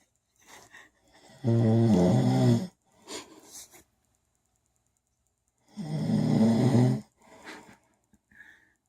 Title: Snoring husband part 5